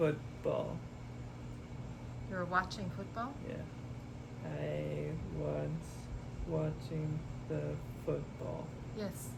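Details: Expressive aphasia with oral apraxia and right-sided paralysis in a man who had a hemorrhagic stroke at 27, recorded after intensive speech therapy programs, trying to say what he does on the way home.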